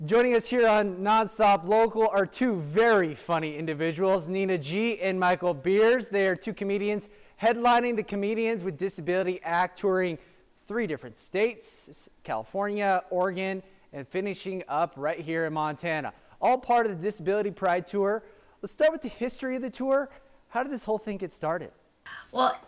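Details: Adult host; typical speech.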